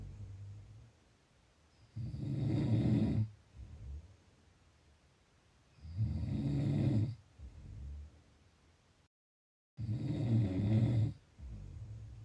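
Low, rumbling snores on each breath in, about 15 breaths a minute, with quieter breaths out: snoring.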